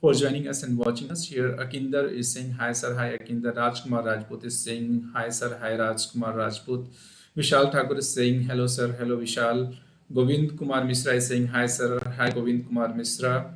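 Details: Adult man speaking; ordinary speech.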